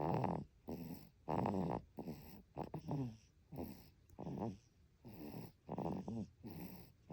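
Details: Sleeping baby snoring in deep sleep: soft, rhythmic snoring sounds with each breath, about 40 a minute; snoring.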